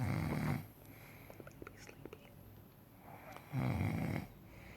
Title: Snore Challenge